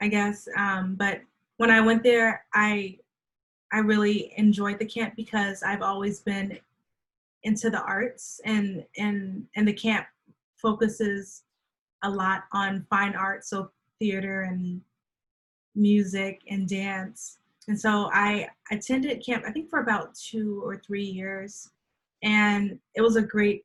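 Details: Adult woman who stutters, with onset at age three, speaking in a conversational interview: stuttering.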